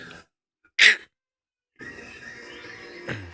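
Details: A young girl fake sneezing: a single short, sharp, deliberately faked sneeze-like burst of air with faint background sound.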